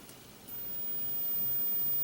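After a brief pause, a very high, thin, steady tone sounds over faint room hiss: a 15 kHz hearing test tone.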